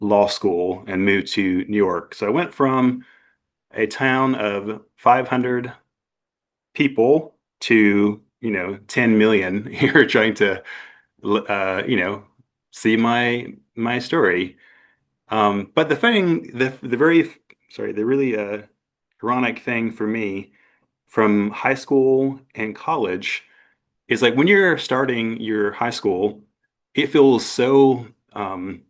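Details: Adult man who had a stroke at 41 with no warning. His aphasia began as global, then Broca's, and is now milder; he also has apraxia of speech. Finding: aphasia with apraxia of speech.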